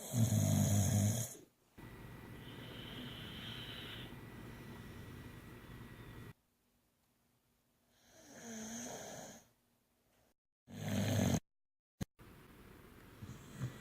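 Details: Loud, low, rumbling snores on the in-breath, broken by gaps and cuts in the recording; snoring.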